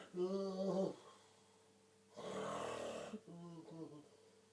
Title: Dad Snoring